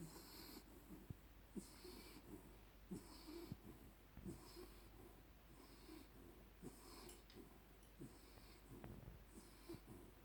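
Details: Soft, irregular snuffling snores with quiet nasal snorts on each breath from a small Jack Russell–Chihuahua mix sleeping snuggled in a blanket; snoring.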